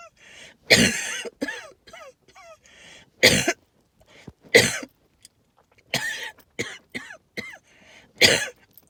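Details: Allergic reaction to tree pollen and mold spores; lots of wheezing with several harsh hacking coughs and high whistling wheezes between them; wheezing with cough.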